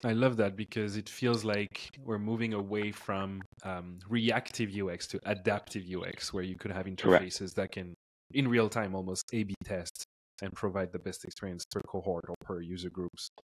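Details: Adult male speaker; normal speech.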